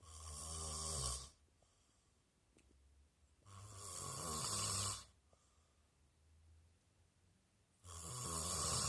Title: Boyfriend snoring ;)